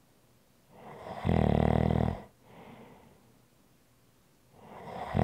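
Loud, rough, low snore on the in-breath, a softer out-breath, then the next snore begins. Typical snoring.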